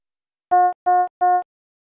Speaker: a medium priority indicates a non life-threatening condition such as when the heart rate measurement violates the high or low limits the alarm message displays with a yellow background and sounds like this or this